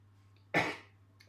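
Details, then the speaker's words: Adult with a cold caught indoors, wheezing and sniffing: a single short, harsh cough against a steady low room hum; cough. "as you can hear I'm bit wheezing and sniffing and that's because I caught a cold and not because I was outside but I caught it inside"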